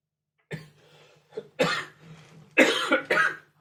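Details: Four cough bursts in about three seconds, the last two loud and close together, over a faint hum.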